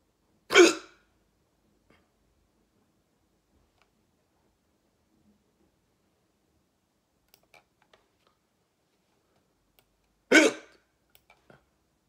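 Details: Persistent hiccups that won't stop: two sharp, abrupt hiccup sounds about ten seconds apart in a quiet room with faint keyboard clicks.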